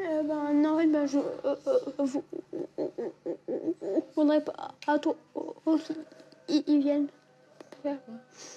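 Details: 11-year-old boy who has stuttered for years; stutter described as uncontrollable, with blocks; speech therapy and child psychiatry did not help; attending a stuttering course; stuttering.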